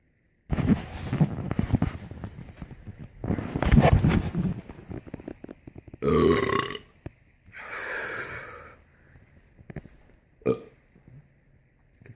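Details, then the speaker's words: A run of low, rumbling belches, several in a row with short pauses, after drinking a bottle of soda; repeated burping. "That there should be a air freshener of a belch. We definitely need one of those. That was a good enough belch for an air freshener."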